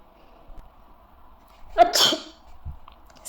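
A single sneeze: a brief indrawn breath followed by a sharp, explosive burst of air.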